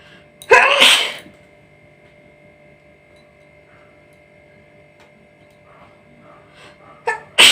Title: nose sneezing challenge video part -2